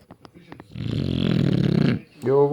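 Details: Rescue British bulldog with extreme snoring: a long, loud, rumbling snort on breathing, typical noisy snoring of a flat-faced dog.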